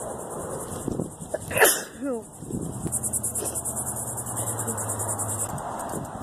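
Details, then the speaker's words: Allergic spring hay-fever sneezing: one sharp, explosive sneeze with a brief vocal tail, outdoors with insects chirping. The person says allergies are acting up badly and reports sneezing about a hundred times. "oh my allergies are like acting up super bad i don't know if it's being in the valley or what but i've sneezed like a hundred times"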